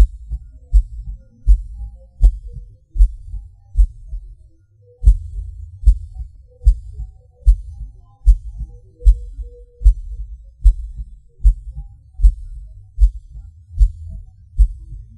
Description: The sound of my heartbeat. It's a wild ride. Every pause or hard beat feels like a sudden rush, best described as a feeling of falling.